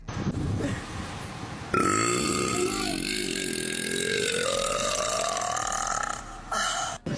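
One very long, loud voiced belch lasting about five seconds, its pitch gliding up and down, with room noise around it.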